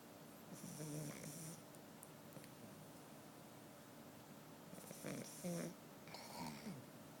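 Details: Pug, Charlie, snoring: three snoring breaths with low rattling and snorting noises in a quiet room.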